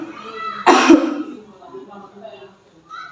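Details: Simulated cough etiquette demonstration by a seventh-semester midwifery student: one deliberate, muffled cough into the inner sleeve (tissue or sleeve covering mouth and nose), with speech and room noise; cough.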